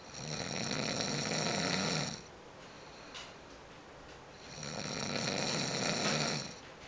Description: my boy snoring